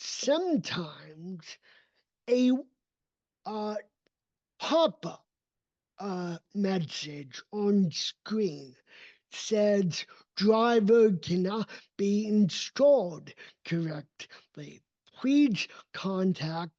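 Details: Adult male with cerebral palsy, a neurodevelopmental disability affecting his motor development and movement; real speech; dysarthria (cerebral palsy).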